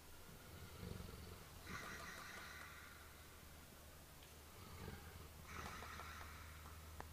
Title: Snoring - Bubbles